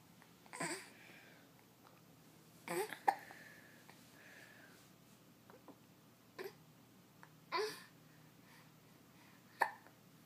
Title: Attack of the Hiccups!